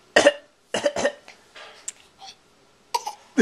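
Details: Child giving several short, forced cough bursts, a deliberate voluntary fake cough rather than an illness cough, recorded in 2010 with a Flip Video camcorder.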